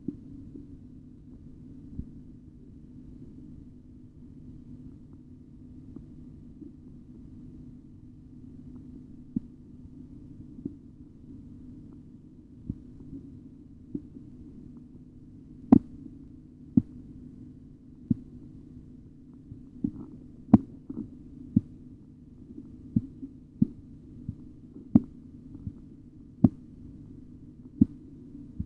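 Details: Blood pressure measurement by auscultation: sharp tapping Korotkoff sounds rise out of a steady low hum as the cuff deflates.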